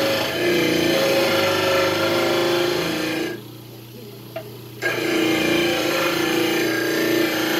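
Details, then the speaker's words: Dental lab demonstration on a model trimmer trimming a thin-based stone dental cast: loud, steady rasping grind from the wheel, with a short pause while only the motor hum remains. "And a little bit of a bigger model trimmer. For the Labs, they make a bigger model trimmer. It's a little bit bigger the wheel. It knocks a little bit off quicker."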